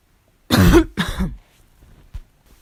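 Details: Two harsh, loud coughs with a hoarse, barking quality during a fall cold: a barking cough.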